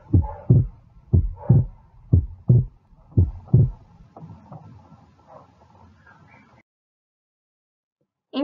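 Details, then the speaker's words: Normal cardiac auscultation: regular two-part heartbeat near 60 a minute; pulmonary component delayed on inspiration from increased venous return, physiological S2 splitting widening on inspiration, merging on expiration. "a inspiração o componente pulmonar que tem um certo atraso e esse atraso é o chamado de desdobramento fisiológico de segunda bulha que é representada pela expressão tra"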